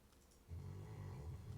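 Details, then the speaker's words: Pet dog sleeping in a quiet room; after a brief silence a loud, low, rumbling snore starts and continues, described by the owner as extremely loud; snoring. "Bobo. Buddy. Your snoring is extremely loud. You're awesome though. Can you guys hear the snoring or not? Because the snoring is very loud for me, man."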